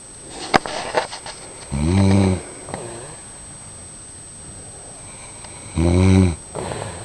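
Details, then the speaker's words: Husband recording his sleeping wife at 4:10 a.m. in a dark bedroom: two loud, low, rattling snores about four seconds apart in a quiet room; snoring. "ladies and gentlemen this was a first that wasn't the best white snore yet and I will capture better"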